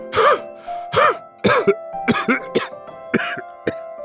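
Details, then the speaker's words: Acted, simulated coughing in a product commercial: an adult who feels terrible and can't stop coughing and sneezing in flu and cold season gives about eight short, harsh coughs in quick succession over background music. "honey, you sound horrible. I feel terrible, and I can't stop coughing and sneezing."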